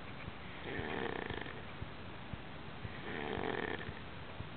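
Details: Person snoring: two rattling, buzzing snores about three seconds apart, with faint clicks between them; ordinary snoring.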